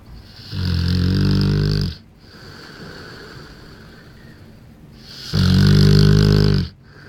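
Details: Snoring from a 1-year-old bullmastiff sleeping in the crate (bench) he had as a puppy.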